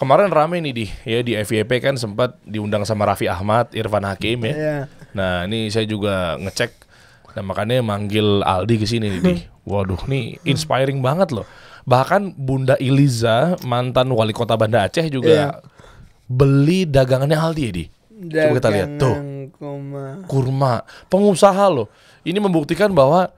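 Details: Adult male speaker; ordinary speech.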